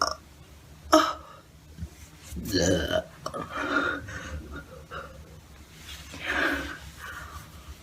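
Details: A few moderate belches mixed with breathing and faint voice in a small room; burping.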